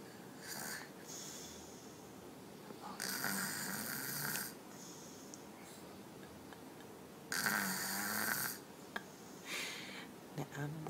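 Loud rasping snores on each breath, about 14 a minute, in a quiet room: snoring in a young child.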